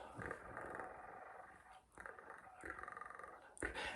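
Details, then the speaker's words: Adult man with Tourette syndrome deliberately purring like a cat, a soft rolling sound made on the edge of the tongue to redirect an unwanted vocal tic; redirected vocal tic. "so i've started going and purring like a cat making that little sound on the edge of my tongue because that's the sensation that i want"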